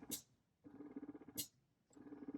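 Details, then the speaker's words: Spectra electric breast pump, vacuum lowered from 7 toward 6 (max 12), quieter than high setting: rhythmic pulsing motor hum with short hissing releases between cycles, lower suction. "Okay, so it's kind of quieter. 5 is even quieter. You can even go down to 1."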